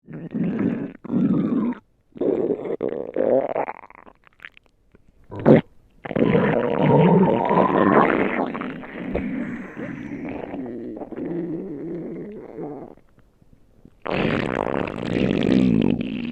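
Loud, groaning, drawn-out rumbles with pauses between them, consistent with stomach growling from gut movement.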